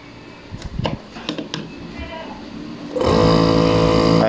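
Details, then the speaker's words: Nebulizer compressor pump, previously dead with no power and no hum, tested after its broken switch was replaced: a few handling knocks, then the motor switches on with a steady loud hum and buzz, showing it runs. "guys Ayan so Okay na siya mga kalikot Ah pwede na natin ibigay sa may-ari"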